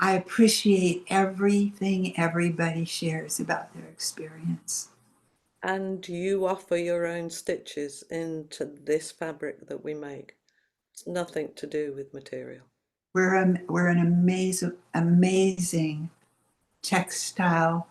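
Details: Adult woman speaking; ordinary speech.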